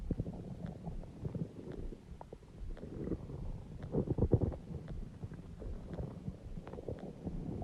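Low gurgling, rumbling abdominal noises with bubbly bursts; ordinary stomach growling from moving gas and fluid.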